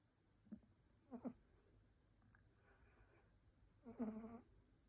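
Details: Light snoring from a resting, exhausted cat: soft, irregular snorts with faint hissy breaths, roughly every three seconds.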